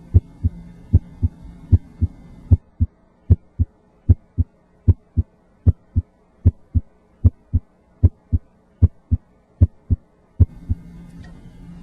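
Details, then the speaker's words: Patient with increased chest AP diameter, as in emphysema, auscultated with the stethoscope diaphragm at the apex (point of maximal impulse). Steady lub-dub at about 76 a minute over a low hum, then stethoscope rustle: normal heart sounds. "know that there are specific sounds that are heard loudest at certain locations again s1 is laos at the apex and s2 is largest at the base of the heart"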